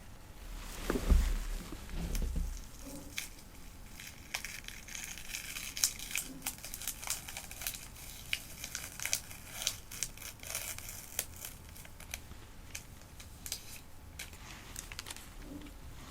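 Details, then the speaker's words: Close crinkling, tearing and rustling of a plastic bandage wrapper as a Band-Aid is opened and applied to a small bleeding cut, in a quiet room; simulated role-play space-shuttle examination. "I just cut you a little you're just bleeding a little so I'll put um a Band-Aid on"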